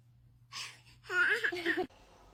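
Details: A one-month-old newborn baby sneezing: a faint intake of breath, then one small, high-pitched sneeze, with low room hum underneath.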